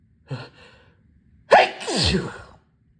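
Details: A short inward gasp, then a loud, forceful, wet sneeze in a quiet room; one of repeated sneezes.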